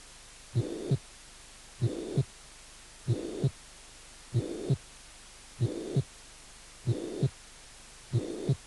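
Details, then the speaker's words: Mitral regurgitation: soft pansystolic murmur filling the whole gap between the two heart sounds, slow regular heartbeat about 48 per minute. "insuficiencia mitral con soplos funk sistólico suave"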